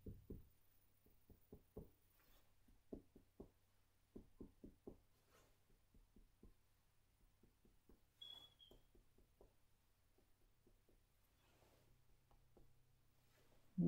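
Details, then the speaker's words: A nurse practitioner student percusses the posterior chest with soft, hollow finger taps, comparing side to side: a resonant percussion note, as expected throughout normal lungs. "um so we would purpose making sure that there is resonance as I mentioned throughout the lungs"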